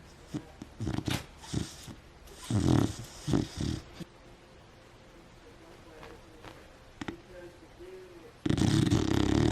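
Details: Female beagle asleep amid nosed-around bed covers, recorded close by: irregular snorting, rumbling breaths with quieter gaps and a loud noisy burst at the end; dog snoring.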